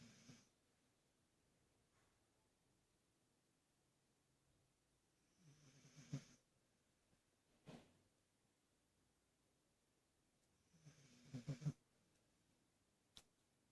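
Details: A sleeping cat snores with soft, low breaths and gives a brief snort or hiccup-like cough.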